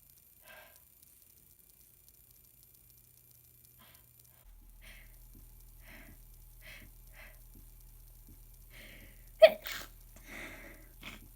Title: Super messy sick sneezes